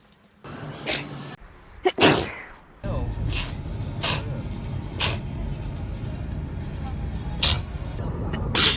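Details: Candid real sneezing while travelling in 2018: several sharp sneeze bursts over steady vehicle rumble and faint background music.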